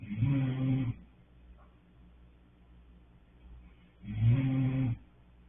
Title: Roncando